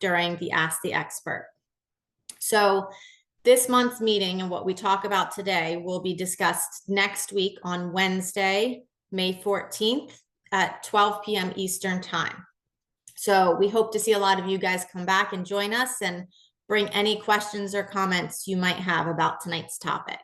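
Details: Adult woman speaking; normal speech.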